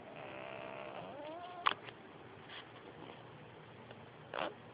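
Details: Sleeping cat snoring: a high, whistling, wavering tone that fades, then short snuffly breath bursts several seconds apart.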